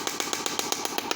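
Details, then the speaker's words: Rapid, regular, sharp clicking pulses, about eight a second, from a low-cost Chinese shockwave therapy machine (model HL3621) applied directly to the medial knee for knee pain and osteoarthritis. "so let's start applying the shock waves so you can see I'm applying the software directly onto the medial part of the knee"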